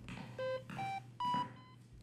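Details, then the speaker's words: Simulated virtual reality clinical workflow: three rising electronic alarm tones over low room hum from a patient room monitor after the patient's rate increased significantly, patient tired and nauseous; nurse quiets the alarm. "i'm sorry to hear that let's quiet that alarm for you"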